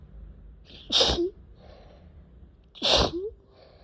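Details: Uncontrollable sneezing fit with itchy face: two sharp, wet sneezes about two seconds apart, each with a quick intake before the burst; repeated sneezing.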